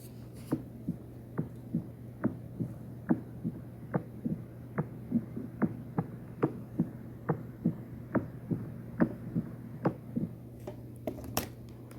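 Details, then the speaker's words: Mechanical mitral valve replacement heard in an MRCP station 3 cardiovascular examination: regular heartbeat about 70 a minute with a sharp metallic click coinciding with the first heart sound. Prosthetic valve disease goes with a midline sternotomy scar. "then prosthetic valve disease there will be scar midline stous scar and clicky metallic sound if it coined with this one this is mital valve replacement"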